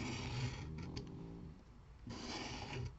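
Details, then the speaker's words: Low, rumbling snoring from a sleeping pet in a quiet room, described as normal, as usual, with faint crafting noises in the background: snoring. "Vous entendez ronfler, hein, c'est normal, comme d'habitude."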